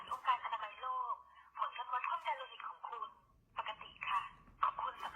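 A tinny, thin recorded voice from a wrist blood pressure monitor reads out measurement results aloud in Thai.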